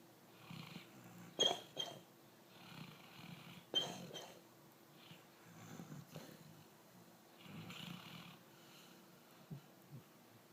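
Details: Sleeper snoring: soft, irregular snuffling breaths with hissing and snorty noises, about 26 a minute; light snoring.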